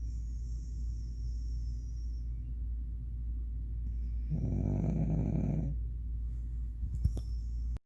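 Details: Dog snoring while asleep: a single low, rumbling snore over a steady background hum, ordinary snoring.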